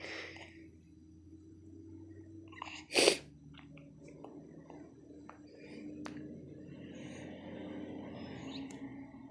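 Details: Ordinary single short, sharp sneeze from a mother during her baby girl's nap, in a quiet room with faint soft sounds around it.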